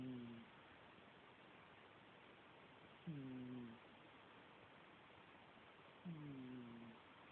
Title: Cat snoring Again